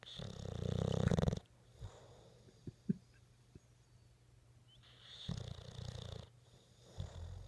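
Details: Bulldog snoring while sleeping.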